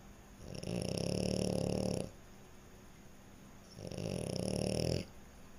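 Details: Sleeping French Bulldog snoring: two long, rough, fluttering snores, each lasting over a second, with a quiet gap between; loud snoring.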